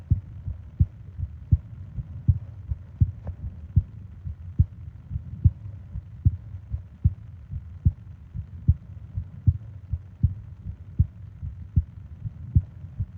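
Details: ASMR sleep-aid recording of heart and breathing sounds: steady, regular low heart thumps at about 70 per minute over a soft background hum; a normal heartbeat.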